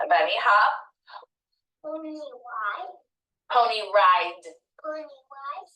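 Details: Childhood apraxia of speech in a boy about five and a half years old, repeating a word pair with cueing during speech therapy; childhood apraxia of speech.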